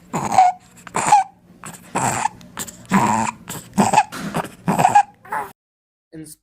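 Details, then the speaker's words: Child with croup (acute laryngitis): repeated harsh, high-pitched noises while trying to breathe in, inspiratory stridor from a narrowed upper airway. "so if you see this sound is coming out after he's trying to breathe like taking the air"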